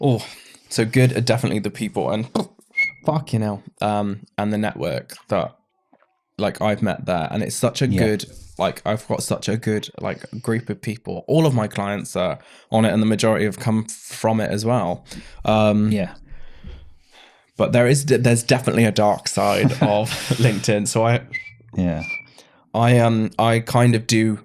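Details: Adult man with Tourette syndrome diagnosed in his mid-20s after illness with brain swelling and brain damage; he also repeats words and stammered after seizures; vocal tics.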